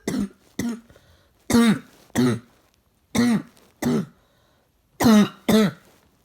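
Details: Adult coughing: eight short, harsh, voiced cough bursts arriving in pairs with brief pauses between, in a quiet room.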